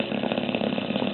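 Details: Sleeping dog snoring with a steady, rattling, buzzy sound and fluttering vibration throughout.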